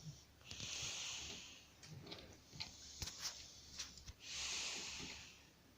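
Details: Puppy asleep: long, hissing breaths with short snorts and snuffles between them: noisy snorting breathing during sleep.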